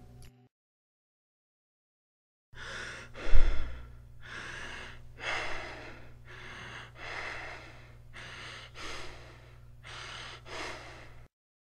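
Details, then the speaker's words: Imitated Kussmaul breathing, as seen in acidotic states: deep, rapid, regular breaths, each a full, loud maximal inhalation and exhalation. "it's similar to tachypnea but it differs because it has long tidal waves so it's maximum inhalation followed by maximum acceleration but a very rapid rate"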